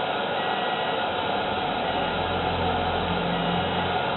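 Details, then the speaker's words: Electrocautery during a patient's own filmed vasectomy: a continuous soft hiss and buzz as the cautery burns tissue. The patient says he can hear it burning. "a little sound as it burns it's quite"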